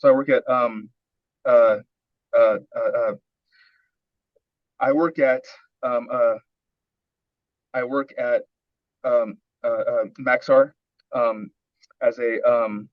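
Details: Adult man with a long history of stuttering, early coaching session before fluency training, described as severe speech blocks, pushing words out; repeated filler sounds and repeated words; stuttering.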